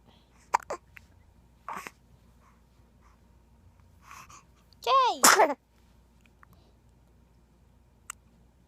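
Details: A few short, sharp catches, possibly hiccups, then one loud sneeze-like burst in a quiet room; sneeze.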